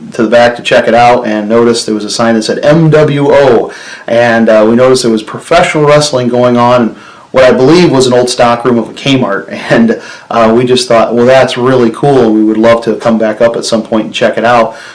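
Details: Adult man; normal speech.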